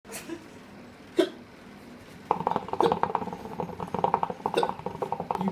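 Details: Repeated hiccups about a second apart, jokingly likened to labour contractions, with sharp sudden sounds over background talk and kitchen clatter.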